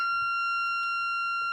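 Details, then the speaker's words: Steady high-pitched continuous tone from a corpuls3 defibrillator in AED mode with shock paddles and monitoring ECG, after rhythm analysis advises a shock and prompts delivery, on a training model. ">> Do not touch patient. Analyzing heart rhythm. >> Deliver shock."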